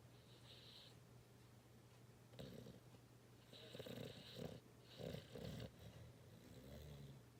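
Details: Dog snoring and twitching while asleep: soft, rough snoring breaths repeating every second or so over a low steady room hum.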